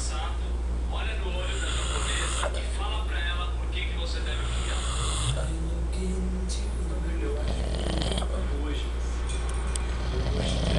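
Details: Adult male (father) snoring, described as snoring like a drill: loud, rough, rattling breathing noise over a steady low hum.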